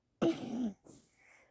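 One short, harsh throat-clearing burst followed by a faint exhale. A single throat clearing.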